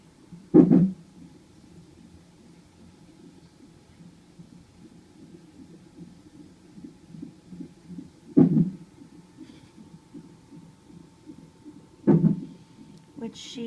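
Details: Fetal hiccups in utero: soft rapid pulsing of the fetal heartbeat with three louder, irregularly spaced thumps.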